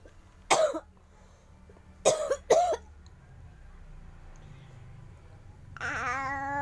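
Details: A sleepy baby imitating the mother's choking cough: three short, voiced cough-like bursts then a brief whine; an imitated cough, not illness, before the baby falls back asleep.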